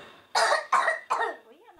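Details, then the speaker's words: A child with cystic fibrosis gives three forceful coughs in quick succession, then a brief voiced sound; productive cough. "Ah, ça fait tousser ton truc. Eh ben c'est fait pour ça, figure-toi. L'objectif est d'hydrater le mucus pour le faire sortir."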